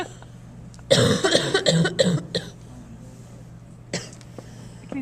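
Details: Quick run of about five harsh, partly voiced coughs, then a single softer cough after a pause, from a person who is sick.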